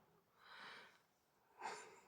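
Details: Young daughter sleeping soundly while an adult asks whether she can breathe: two soft, noisy nasal snorts about a second apart in a quiet room, snoring-like snorting breaths through the nose.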